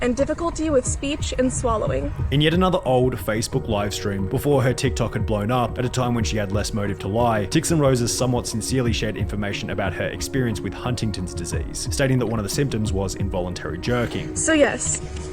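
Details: Adult narrator; normal speech.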